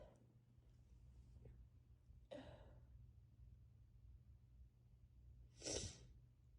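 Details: Person with a head cold (sneezing, coughing, sinus pressure, scratchy throat, losing voice): soft breaths, then two explosive sneezes, the second loud and sharp.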